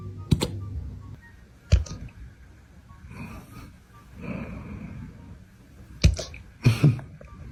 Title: Dogs cute hiccups ❤❤ #dog #shorts #cute